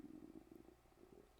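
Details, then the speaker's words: An adult's quiet, low, pulsing rumble from the stomach: ordinary bowel sounds, stomach growling. "If you can hear that, that's my stomach growling. Not sure if you can hear that."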